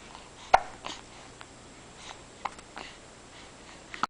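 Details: Several brief, sharp, jerky catches of breath against steady room hiss during one of a person's many bouts of hiccups.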